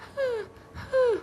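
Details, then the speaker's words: Adult imitating stridor, the high-pitched breathing a child with croup makes even when sitting still: two high-pitched, whistling, musical breaths. Described as quite serious and a reason to return to the emergency department. "uh lastly is uh a high-pitched breathing sound so even when they're sitting still they're not running around they make this high pitched breathing"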